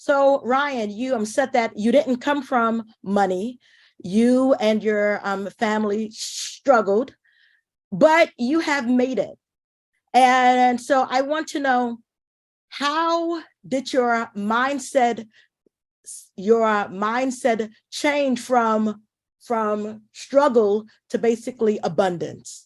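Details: Adult woman who says she is a stutterer: stuttering.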